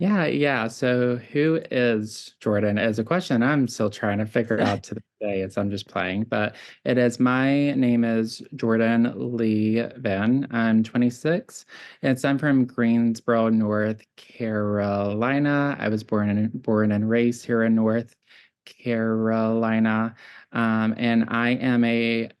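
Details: Childhood apraxia of speech, present since birth, in a 26-year-old man; neurological brain-to-mouth disconnection affecting tongue, lip and jaw movement; diagnosed profound at age 5, now classified mild, varying day to day.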